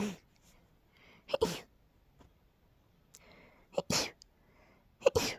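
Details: Female with pollen allergy symptoms: three quick sneezes in a row, each with a short catch of breath before it; a brief sneezing fit.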